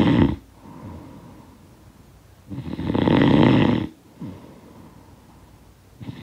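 Loud rumbling snores on breathing in, with quieter breathing out between, from a sound-effect recording.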